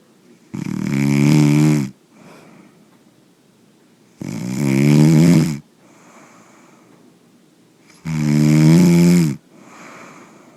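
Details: Man sleeping: three loud, deep, buzzing snores on each in-breath, about 16 breaths a minute, with soft out-breaths between; steady heavy snoring.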